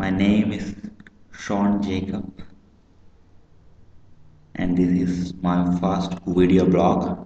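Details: Adult man with a stammer that he says is not always present, speaking English although his first language is Malayalam: stuttering.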